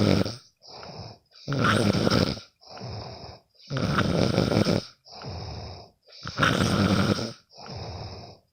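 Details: Loud rattling snores on each breath in with softer breaths out, about eight breaths in 8.5 seconds in this stretch, recorded from a sleeping friend: snoring.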